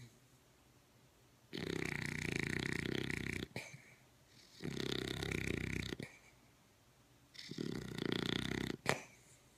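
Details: Ordinary snoring: three loud, rough, fluttering snores in about ten seconds, quiet between them, roughly 18 a minute.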